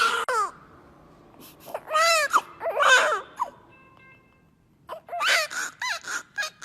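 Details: Newborn weighing about 3300 g, crying just after birth: short bursts of high, wavering cries separated by pauses, with a faint beep in the background; a normal newborn cry.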